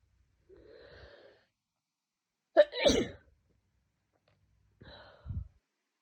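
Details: Two-day head cold: a sharp indrawn breath, then a forceful explosive sneeze, followed by a second quieter buildup and a short sneeze.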